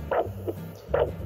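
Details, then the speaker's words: Handheld Doppler ultrasound with gel over the brachial artery during an ankle-brachial index demonstration gives rhythmic whooshing pulse beats over a steady hum; systolic reading about 120. "nd what you'll notice is it has a sound whenever you have a heartbeat or it has a touch so i'm going to have to i'm going to find the the pulse and she's going to help me"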